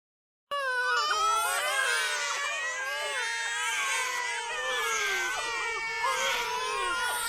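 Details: Several babies crying at once, loud sustained wailing with shifting pitch, from a sound-effect recording; ordinary infant crying.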